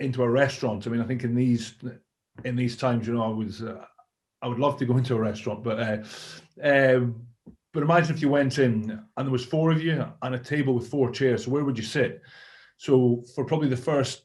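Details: Adult male former Scotland rugby player with a lifelong stammer, speaking in a real interview; stammering.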